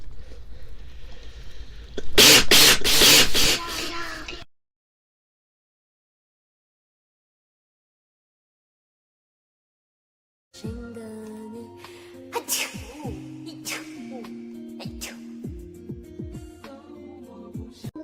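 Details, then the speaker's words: Chinese woman with allergies: a burst of loud wet sneezes followed by quieter room sounds and music; repeated allergic sneezing. "甚至有时候一站到太阳底下就鼻子痒，总是打喷嚏。"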